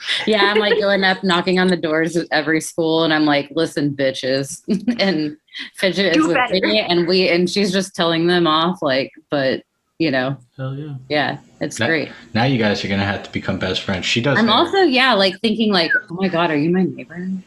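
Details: Adult women in conversation; ordinary conversational speech.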